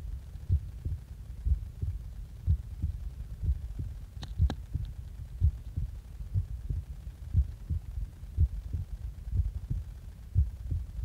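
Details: Heartbeat recorded just after waking up; steady low thumping at about 60 beats per minute with a regular rhythm; normal heart sounds.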